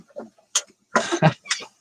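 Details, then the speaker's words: A few short, harsh cough bursts in quick succession from a person said to have COPD. "yeah poor holly she's got that copd"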